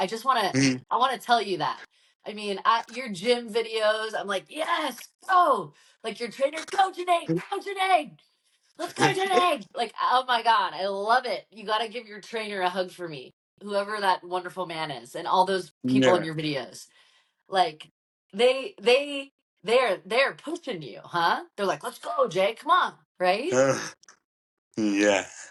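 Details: Adult female speaker in conversation; ordinary speech.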